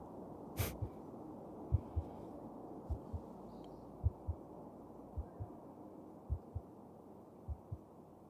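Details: Steady, slow heartbeat in an ASMR cuddle roleplay, soft paired lub-dub thumps at about 52 beats a minute over a low rumble.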